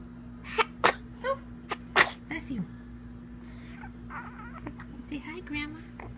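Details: Small child sneezing: several sharp sneeze bursts, then an adult's voice and quiet room sounds.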